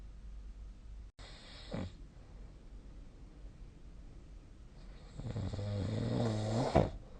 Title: 🐽 本日のイビキ / Snoring Sleep Sound 2025/02/19